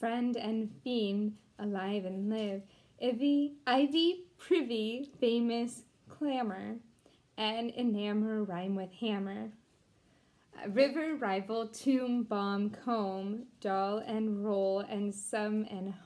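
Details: Deaf speech in a Deaf woman who was once completely mute and taught herself to talk again, reading an English poem aloud without being able to hear herself.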